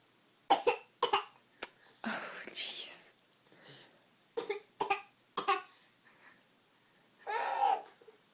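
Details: A young child, described as sick, gives several short, sharp coughs in brief bursts with a few vocal sounds between them, in a quiet room; cough.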